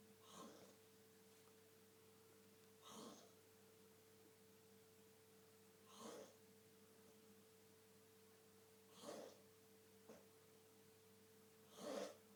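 Soft rasping breath noises every three seconds, about 20 a minute, over a steady room hum: snoring during sleep.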